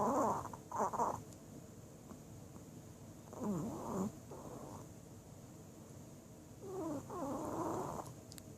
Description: Chewey Snoring In Our Bed